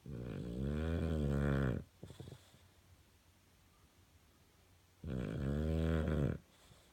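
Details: Sleeping dog snoring: two deep, rumbling snores with quiet pauses between them, about 12 breaths a minute.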